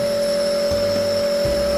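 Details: Omron compressor nebulizer running during a child's treatment: a steady mechanical hum with a constant tone.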